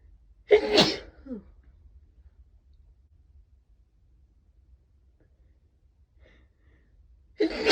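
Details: Person's sneezes, first stifled then let out, with one or two false starts, last one soft: a sharp sneeze burst, quiet pause, then another sneeze starting; sneezing.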